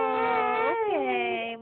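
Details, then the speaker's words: Six-month-old baby girl, tired during tummy time, sucking her thumb: a tonal, wavering, whiny fussing cry rather than full crying, as the parent comforts her. "oh no oh you're so sad oh man oh no baby girl what the matter what's the matter"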